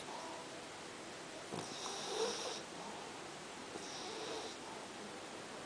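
Two soft, hissing snoring breaths over a steady background hiss; gentle snoring in a sleeping dog.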